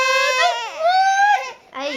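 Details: Infant (Avelyn) starts off laughing at someone's coughing, then cries; high-pitched, wavering cries with rising and falling pitch, a brief pause, then another cry.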